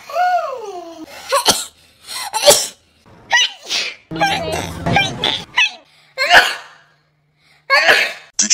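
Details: A string of separate sneezes, each a sharp breathy burst after a quick in-breath, with brief music in the background.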